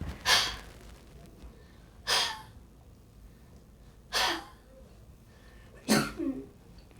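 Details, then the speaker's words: Huff coughing by a cystic fibrosis patient demonstrating vest airway clearance, done after the final cycle (14 Hz, pressure 6): four forceful open-mouth breathy huffs about two seconds apart to clear loosened mucus. "once the final cycle is finished sam will give another round of half cross"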